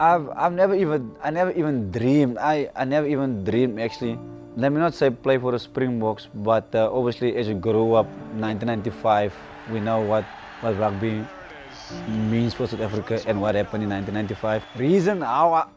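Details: Adult male former professional rugby sevens player with a longstanding stutter that he says improved over time after a coach pushed him to speak to people; real; stuttering.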